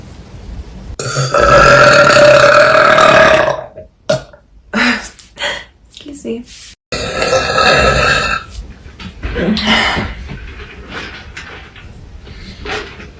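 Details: Burping in someone's face: two long, loud, rumbling burps separated by brief speech and noises; repeated belching.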